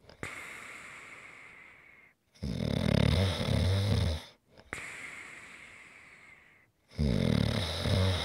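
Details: ASMR snoring recording: loud rattling snores on each breath in, with quieter breaths out between them; ordinary heavy snoring.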